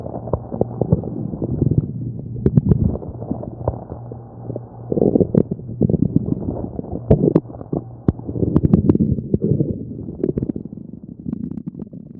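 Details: Stomach sounds of a girl recorded during a tummy examination: gurgling, bubbling rumbles with soft pops and clicks, ordinary active bowel sounds (borborygmi).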